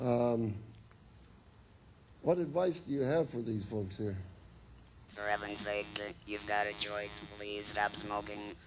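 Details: Woman whose larynx was removed, followed by radiation and chemotherapy, speaking with an electrolarynx, a battery device held against the throat that makes a beeper sound she articulates into speech; electrolarynx speech.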